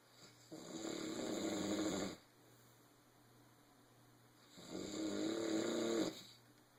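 Two long, rough, rattling breaths drawn in about four seconds apart, with quiet pauses between them: loud snoring on inspiration.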